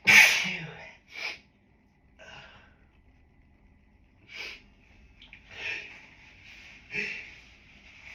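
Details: Allergic sneezing, worsened by grass pollen and triggered by a dog brought into the office: a huge first sneeze, unstifled because it came as a surprise, then several smaller, partly stifled sneezes and sharp breaths.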